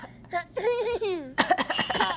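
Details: Young boy coughing on request: high-pitched voiced sounds, then a few short, forced fake cough bursts; voluntary cough.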